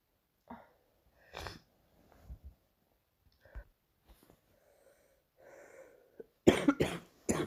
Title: another morning cough